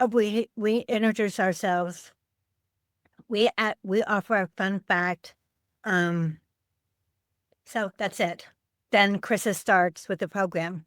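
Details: Adult woman with aphasia after a stroke on Thanksgiving Day 2012, 13 years earlier, affecting word-finding and making speaking harder.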